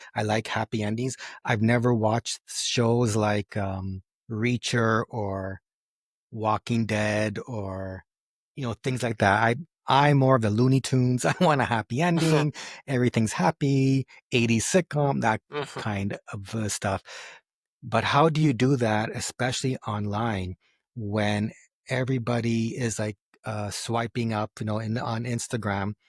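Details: Adult man who has stuttered since age 4, lets his stutter happen openly rather than hiding it, and says it goes up and down; stuttering.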